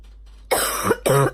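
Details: Female morning barking cough: two loud, harsh coughs with a rough, honking, barking quality.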